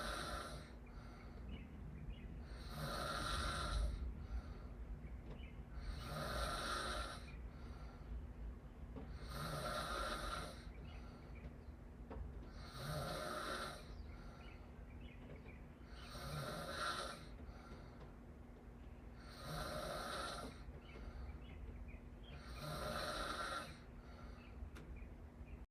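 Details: Snoring through an open mouth: regular rattling snores at about 18 breaths a minute, steady and even.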